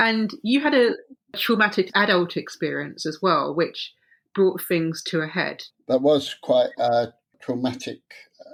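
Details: Adult speaker; ordinary speech.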